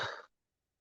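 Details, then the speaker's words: Pet Scooby sneezing, owner says from an allergy to Timothy hay after switching back from meadow hay; sneeze. "Oh God, he's sneezing again. You may Scooby Doo. Chilster Deluxe Troops. Chilster, have a word. Can you hear Scooby sneezing? He's got an allergy to the Timothy hay."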